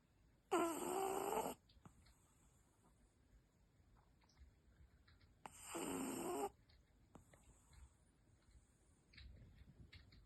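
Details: Brussels Griffon dog in deep sleep snoring like a tiny chainsaw: two loud, rasping snores about five seconds apart with a buzzing, whistly edge and quiet breathing between, in a small room.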